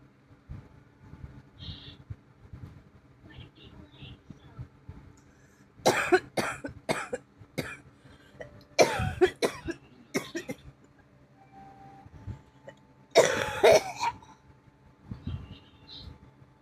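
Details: Person unwell with a bad cough, chest and ribs hurting from coughing: three bouts of harsh, repeated coughing, four to six coughs each, with quiet breathing between.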